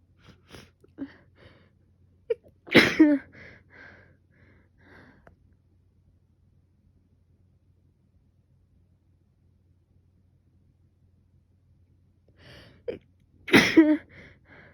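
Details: Person with fever now subsiding and a sore throat from heavy coughing and sneezing; part of the previous day's sneezing fit: two loud sneezes, each preceded by short catching breaths, with a quiet pause between them.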